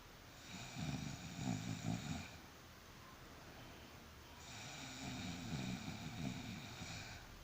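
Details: Strange snoring that makes others avoid sleeping nearby: two long, buzzing, fluttering snores on breathing in, with an odd whistling edge and a quiet gap between them.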